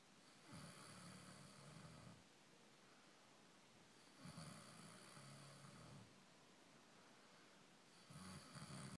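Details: Soft, rough snores about 15 a minute against steady background hiss, each lasting under two seconds: snoring.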